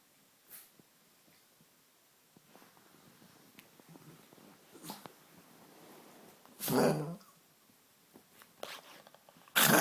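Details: An older pug coughing, recorded to show the vet: faint snuffling and breathing noises, then two loud, harsh hacking bursts.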